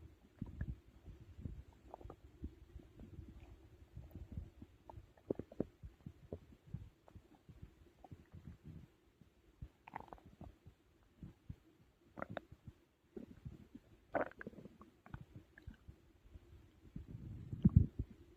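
Irregular low gurgles, rumbles and occasional squeaky bubbling from the belly; stomach growling during digestion after a large meal.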